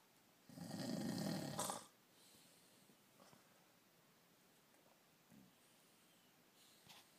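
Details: Snoring from a person.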